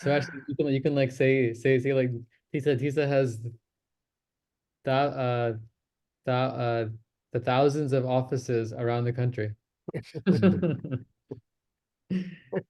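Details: Real recording of an adult man who self-discloses that he stammers, speaking in a stammering self-help practice group; stuttering.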